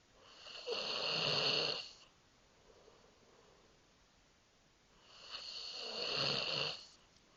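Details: Snoring: two long, hissing, whistly snoring breaths about four seconds apart.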